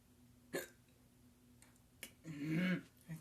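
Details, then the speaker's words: Persistent hiccups that cannot be stopped: three abrupt, sharp inspiratory catches about 1.5 seconds apart, with a brief vocal sound between; repeated hiccups. "I can't stop. I can't stop the hiccups, man. Oh, my God. I can't even stop."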